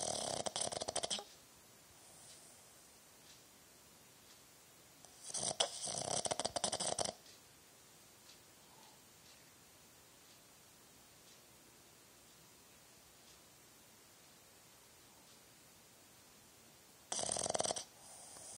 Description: Boston Terrier Snoring